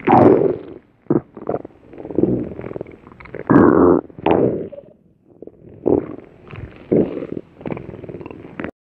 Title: Cream Puff Cookie's Stomach Growl